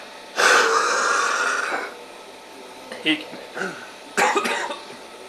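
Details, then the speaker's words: Trekker at high altitude in Nepal with fluid in the lungs (high altitude pulmonary edema), breathing difficulty overnight, improved after medication: forced exhalations with a rough, bubbly rattle, pulmonary crackles. "so you can hear the fluid in there and uh that's actually quite a bit better now last night um before I had taken any medications it was I couldn't if I exhaled or inhaled just slightly not that heavily you could hear that fluid that crackling sound"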